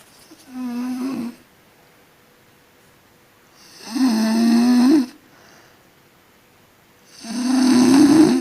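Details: Person sleeping and snoring: three loud, rough, buzzing snores on breathing in, about 18 breaths a minute, with quiet pauses between.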